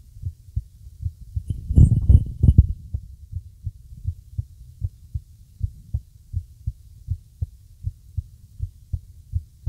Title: Irregular Heartbeat